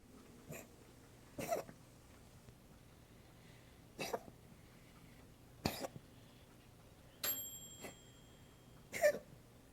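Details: Coughing, recorded on 3/9.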